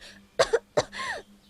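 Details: Dubbed anime girl who is allergic to cats, near a cat and saying she has asthma: two short, explosive coughs, then a brief voiced throat sound, in a quiet room; acted audio.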